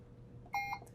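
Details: Puritan Bennett 560 home ventilator, assist-control volume mode, primary settings being adjusted: single short electronic beep over steady machine hum; key-press accept tone.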